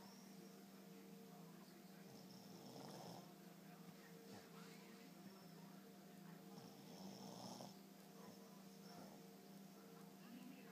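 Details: Dog snoring while asleep with her eyes open: soft, rough snores on in-breaths, roughly every four to five seconds, over a steady room hum.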